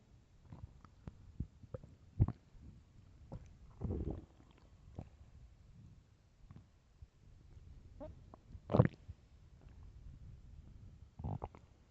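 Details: Loud hunger stomach growling, described as starving: low gurgles and rumbles from the belly in irregular bursts, some loud; normal borborygmi.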